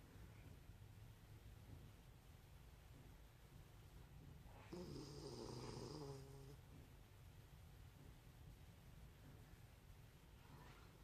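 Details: Miniature schnauzer snoring while asleep in the afternoon: one rough, slightly tonal snore over a quiet, low room hum.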